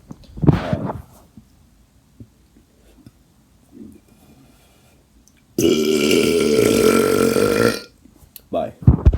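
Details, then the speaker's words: Voluntary burping after drinking Coca-Cola: a short burp, then a long, loud, sustained belch lasting about two seconds, with a few smaller sounds around it. "one all right well that was actually thank you that was surprisingly successful I wasn't expecting it to be that good"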